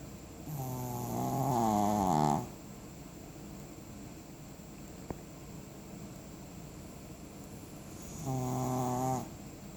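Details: Ordinary snoring: two long, rumbling, vibrating snores several seconds apart, with a steady background hiss and a faint click between them.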